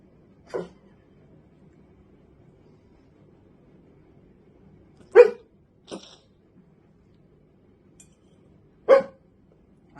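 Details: A few brief, sharp catches with soft voicing, spaced several seconds apart in a quiet room; hiccups in a dog.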